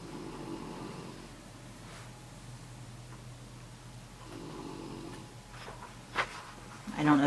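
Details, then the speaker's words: Soft, low rumbling snores from a sleeping female dog, two breaths a few seconds apart, in a quiet room: snoring. "can hear my dog snoring she's snoring over here"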